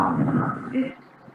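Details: Adult sustained vowel; Asthenic (weak) voice.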